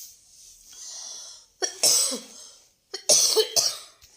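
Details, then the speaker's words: An adult woman who says she feels unwell while sewing coughs after a soft rustling hiss, in two bouts of sharp, harsh coughs, each with two or three bursts close together. "Sorry ignore करा खोकल्याचा आवाज मला बिलकुल बरं वाटत"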